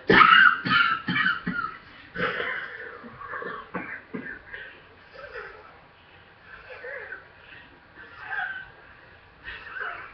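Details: Small asthma flare after a run, lungs still weak from recent illness: a quick run of short, dry coughs, then wheezy, effortful breaths trailing off.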